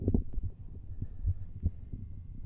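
Soft, regular low thumps of first and second heart sounds at the axilla, with no murmur heard; normal heart sounds.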